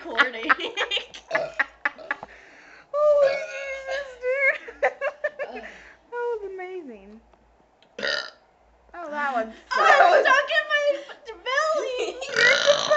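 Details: A girl deliberately burping, with several long, voiced burps between laughter and chatter; burping.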